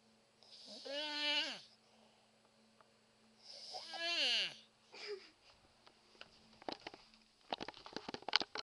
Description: Haha, another video of my mom snoring. this one actually has pretty good sound quality, cuz i was closer to her.